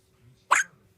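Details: A single abrupt, sharp hiccup from an 8-day-old newborn.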